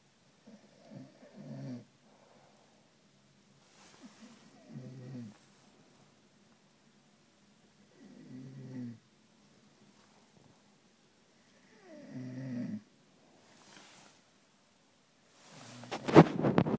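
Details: Rhythmic short raspy snores about every four seconds, roughly 15 a minute, with quiet pauses, louder at the end: ordinary snoring.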